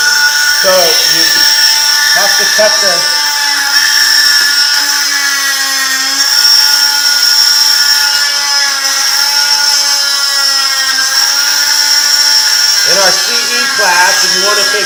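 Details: Stryker oscillating cast saw cutting a hardened cast during a cast-removal demonstration; the blade oscillates rather than rotates. Loud, steady high-pitched whine that dips in pitch and chatters as it bites into the cast.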